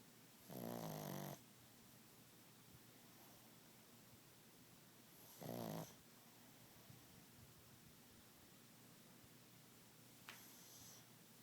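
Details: Sleeping animal called Monkey, possible dog sleep apnea questioned: two rough, buzzing snores about five seconds apart over steady room hiss, then a faint third; snoring.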